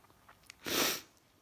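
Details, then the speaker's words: Adult sneezing indoors despite an air cleaner, cause unknown, possibly tiredness: a few quick sniffs then one forceful, hissing sneeze lasting about half a second. "dude back inside again and the sneezy snap and the sneezing it started again but i have an air cleaner so i have no idea why i'm sneezing"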